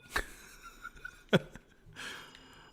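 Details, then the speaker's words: Pet rabbit sneezing during a sneeze attack: two quick, sharp little sneezes with a softer snort-like burst after, over faint background sound. "if you can hear that that's my bunny sneezing"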